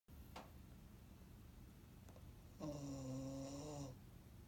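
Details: One long, steady, low buzzing snore over a quiet room, with a couple of faint clicks before it; a pet snoring while asleep at the office.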